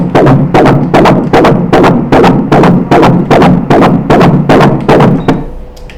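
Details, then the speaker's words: Fetal heartbeat on Doppler during a 14-week ultrasound scan of a male fetus: fast, regular whooshing beats at about 150 per minute, which the examiner says is normal for the baby. "a frequência cardíaca do bebê tá mais ou menos 150 nossa isso não é alto pra gente é para é normal para ele é normal"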